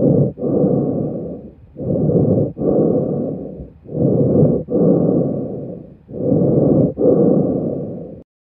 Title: Ruidos Respiratorios